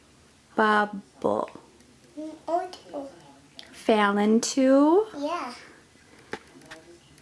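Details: 3-year-old child with childhood apraxia of speech, speaking during a clinician interaction.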